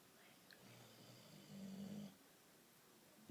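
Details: A single low, buzzing snore-like breath lasting about half a second against quiet room noise: snoring.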